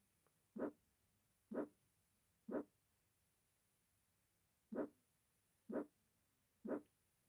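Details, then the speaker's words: Mild aortic stenosis, diaphragm at the aortic area with patient sitting: heartbeats about 60 a minute, each with a short rasping early-systolic ejection murmur radiating to the carotids; S1 and S2 normal, diastole silent. "there is an ejection systolic murmur at arctic area relating to carotids this is often a loud murmur here in early store this is caused by turbulent blood flow into the aorta"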